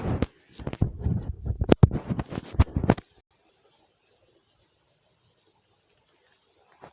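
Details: Adult man (father) with stomach infection, dehydrated and unable to sleep: loud bubbling low gurgles and rumbles for about three seconds, then quiet; stomach growling (borborygmi).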